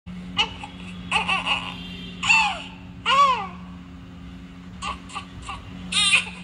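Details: Baby crying: short, fussy cries and whimpers with pauses between them, over a steady room hum.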